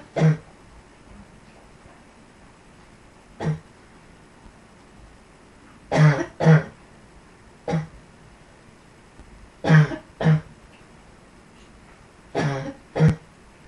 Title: Yet Another Cough